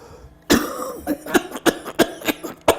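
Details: Cough of a man in his 40s with cystic fibrosis since birth, now on an oxygen concentrator: a rapid run of about seven harsh, chesty coughs in quick succession; he says it sounds awful but doesn't hurt much.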